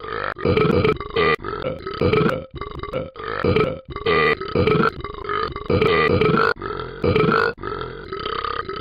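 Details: About nine loud, long, rumbling belches in a row with brief pauses between them: repeated burping.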